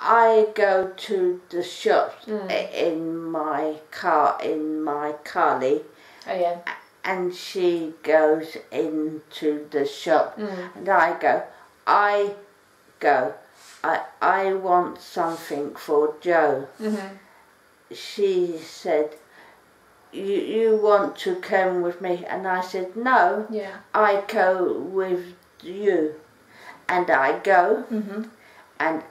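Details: Woman with aphasia who has practised speech in the EVA Park virtual world to improve her communication; aphasia.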